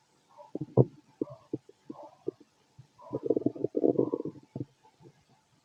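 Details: Close gurgles and bubbling rumbles in bursts from a fit adult male's stomach, recorded with a stethoscope; ordinary bowel sounds of stomach growling.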